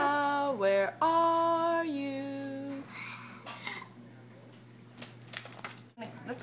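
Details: Speech of a profoundly deaf boy just turned three with bilateral Cochlear Nucleus Freedom implants (simultaneous surgery), hearing just over 2 years with the right implant and 22 months bilaterally, talking with his mother.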